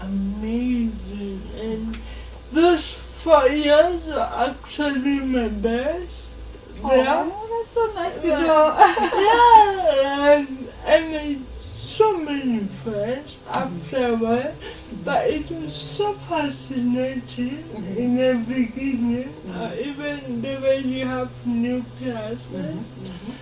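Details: Adult woman speaking; dysarthria (cerebral palsy).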